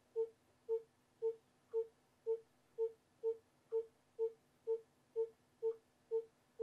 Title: Fetal Monitoring Rhythm 3